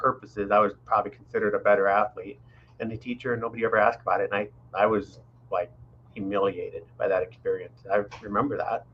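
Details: Adult man speaking; typical speech.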